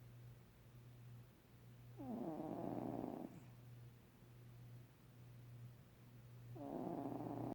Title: Cat snoring! Gato roncando! Esse bichinho faz barulho noite e dia...